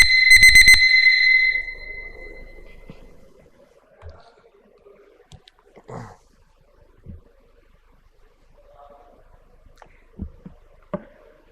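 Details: Brief rapid high-pitched electronic beeping, then quiet room noise with faint clicks: a phaco machine alarm during cataract phacoemulsification surgery, an alarm-bell sign with a phaco punch; surgery completed using low IOP settings.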